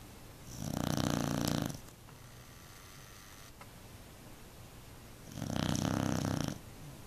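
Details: Beagle snoring so loudly the couch vibrates, until a companion jumps off; two long, loud, buzzing, rattling snores on the in-breath, about five seconds apart, with quiet between.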